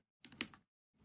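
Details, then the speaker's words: An IV tubing set clicking into place as it is seated in a Sapphire infusion pump: brief plastic clatter with a sharp click; normal mechanical sound. "I opened this thing up this thing seats in pretty easily"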